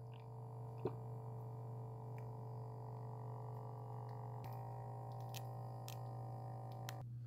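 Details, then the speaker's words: Steady low motor hum with faint clicks as an OMRON BP5250 digital upper-arm cuff blood pressure monitor inflates during a measurement. It sounds about the same as an iHealth monitor, possibly a little quieter, and the reading then displays "high". "Come over here, hit the start button. Again, they both sound about the same and take about the same time. This one might be a little quieter."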